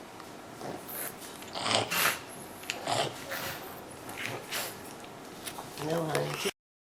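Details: Brachycephalic pug breathing just after surgery to shorten an elongated soft palate and open the nares, with the tube cuff deflated and the airway still swollen; gurgly, stertorous breathing.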